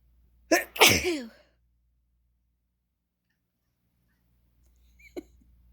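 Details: A single loud sneeze in a quiet room, followed later by a brief faint animal sound from a pet said to dislike sneezes.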